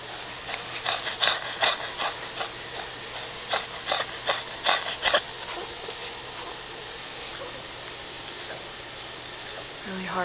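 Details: Rapid, harsh, raspy labored breathing from a Shih Tzu dog with heart disease, the night before a vet visit, after bad coughing and hacking; dyspnea.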